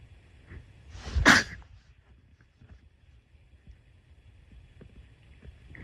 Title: sneeze 1-10